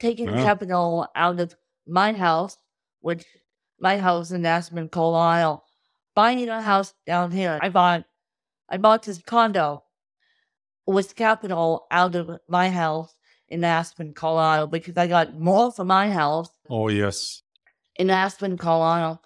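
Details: Adult woman with cerebral palsy since birth from lack of oxygen at birth; difficulty speaking, sitting up and eating, and easy fatigue; dysarthria (cerebral palsy).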